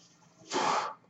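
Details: Real recording of a podcast host speaking while using his own mechanical ventilator; the ventilator's breathing noise is audible in the background during speech. Mechanical ventilator breath.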